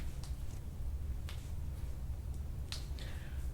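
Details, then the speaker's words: Joint cavitation during chiropractic adjustment of the hip socket and back of a man with a hip injury since 2016; several sharp, brief cracks over a low room hum. "These are the most cracks I've ever gotten on you."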